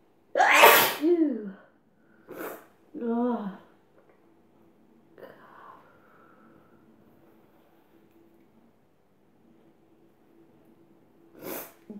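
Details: Sneezing set off by sniffing chhinkni snuff, which irritates the nose and throat and makes the nose run: an explosive sneeze with a voiced tail, another sharp burst, a short exclamation, then a final sneeze.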